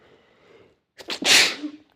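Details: A single sharp, explosive sneeze after a brief quiet in-breath; sneeze.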